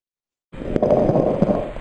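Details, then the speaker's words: Lecture audio example of lung crackles from fluid in the lungs: a brief breath sound with a few scattered popping noises over a rough, noisy background; crackles. "Crackles is what you would normally hear if somebody has fluid in their lungs. And it kind of sounds like a popping noise, and that's some of that fluid, you know, kind of making that noise."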